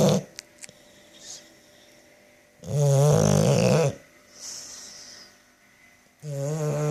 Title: Snoring bulldog